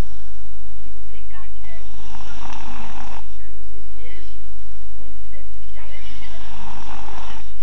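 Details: Seven-year-old boy snoring loudly during sleep: snoring.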